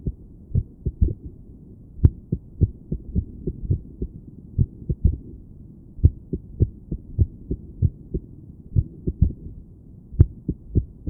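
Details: Woman's own heart heard through a stethoscope while sitting on her bed, felt palpitations: heartbeats about 90 a minute with uneven spacing between some beats; irregular heartbeat.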